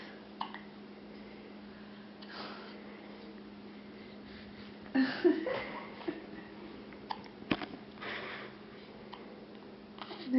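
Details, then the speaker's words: A 4-day-old newborn's first hiccups after birth: several brief, sharp hiccup sounds at uneven gaps over a quiet room hum. "are my first out of the belly hiccups. How am I gonna get rid of them? They're cute hiccups."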